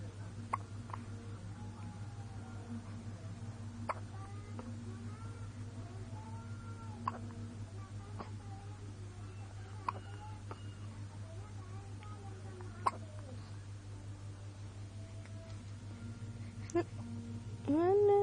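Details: Hiccups in a 26-day-old baby: brief sharp gulping clicks recurring every few seconds, about six over eighteen seconds, over steady room hum.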